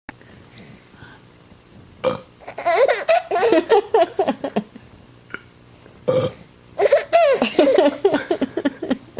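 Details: Two loud ordinary burps, each followed by bright giggling laughter from a baby boy who is amused by the burps.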